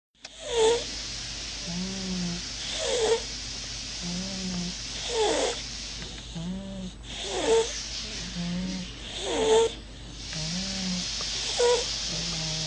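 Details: Sleeping baby boy snoring: repeated soft snoring sounds on each breath, roughly every two seconds, over steady background hum; infant snoring.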